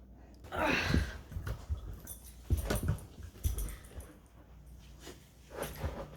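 A small dog makes repeated wet snorts and noisy, wheezy breaths through the nose, with quiet gaps between them. These are snorting, wheezing breaths.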